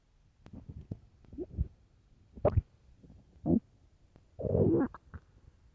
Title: Very hungry stomach growls and groans